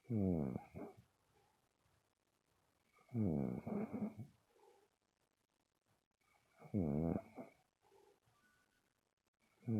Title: More Angel Bear snoring